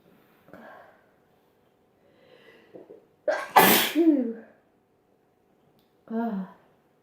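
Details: A single forceful sneeze preceded by a quick intake of breath, with soft vocal sounds before and a sigh after, within a long run of repeated sneezing.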